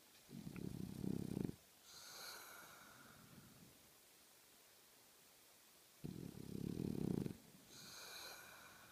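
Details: Two loud, rattling inhaled snores, each followed by a soft whistling exhale, in a slow cycle of about ten breaths a minute: snoring.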